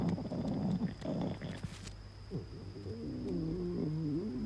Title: my stomach growl